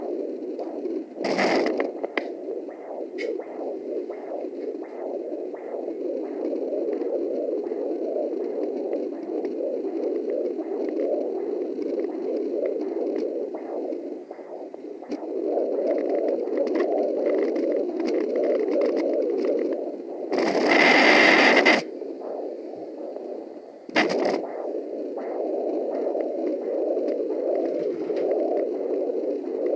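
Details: Home fetal Doppler placental sound: steady whooshing, pulsing rush typical of placental blood flow.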